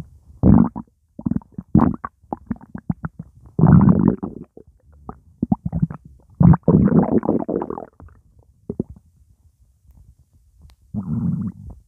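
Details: Stomach rumbling after drinking Coca-Cola: irregular bubbling, gurgling bursts of varying length over about twelve seconds; borborygmi.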